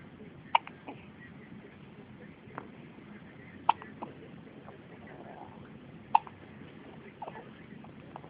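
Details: Newborn baby boy, who also hiccuped constantly in the womb: three sharp, abrupt hiccup bursts a few seconds apart over quiet room noise; infant hiccups.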